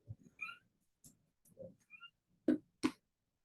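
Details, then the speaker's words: Audible inspiratory stridor in a very sick child: noisy, harsh breathing with high whistling notes, heard without a stethoscope, with wheezing on exhale and sternal retractions, suggesting upper airway narrowing. "so we call that audible inspiratory Strider but you don't even need the steps to go if you hear it"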